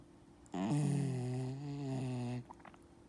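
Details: One drawn-out, tonal, whistling snore lasting about two seconds from a 12-year-old Dachshund-Yorkie mix dog in deep sleep on a person's hip, in a quiet room.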